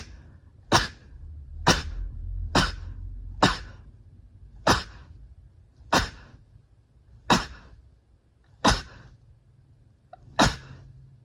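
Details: Sneezes 31 to 40 of a series: nine sharp, short bursts of air about once a second in a steady run of quick sneezes, against a low background hum.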